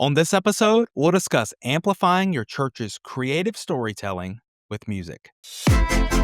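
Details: Adult male speaker; normal speech.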